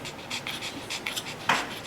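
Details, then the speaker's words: 12-year-old female Pomeranian brought in for trouble breathing, with a tongue less pink than normal, making rapid, noisy, effortful panting breaths with a harsh rasp; she honks when excited; windpipe and vocal cords not working well; labored breathing. "Here's Mariah. She's 12 years old and she came in having trouble breathing, like that."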